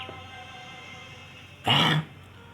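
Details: An animal gives a single abrupt, forceful sneeze lasting about a third of a second over a quiet, steady background hum.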